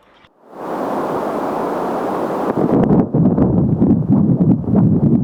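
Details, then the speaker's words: Adult's own heartbeat picked up by a handheld pocket fetal Doppler placed on the chest: static hiss gives way to rhythmic whooshing pulses; normal heartbeat demonstration. "Okay, now this is the box. Put it on my chest and you will be able to listen to my heartbeat."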